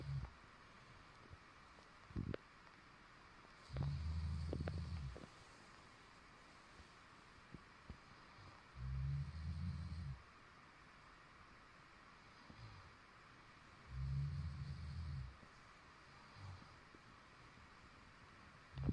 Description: roomate snoring after partying all night